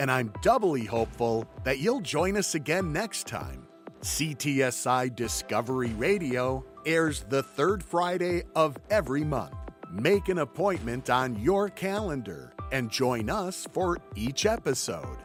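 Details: Adult male radio host; Normal fluent speech.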